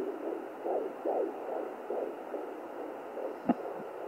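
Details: Fast, rhythmic whooshing pulses on a fetal heart rate doppler, around 150 beats a minute: fetal heartbeat.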